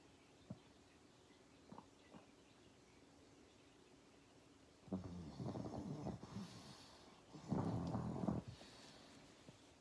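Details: Sleeping pug: faint snorts, then two longer rattling, snuffling snores over steady room noise; snoring.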